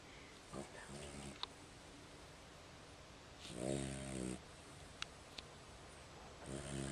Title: Snoring Dog